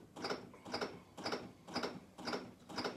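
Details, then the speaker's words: CPR chest compressions on a training manikin during a basic life support demonstration, after calling 999: regular mechanical clicks at about 120 per minute with full recoil, using body weight. "if you've got a mannequin we can start compressing the chest again so here we go and we're going to start compressing"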